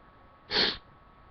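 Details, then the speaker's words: Sneeze provoked by tickling the nose with a Q-tip, felt not to have fully come out: one sharp, wet, hissing sneeze burst in a quiet room. "yeah it was a sneeze but like i feel like it didn't fully come out i hate when that happens"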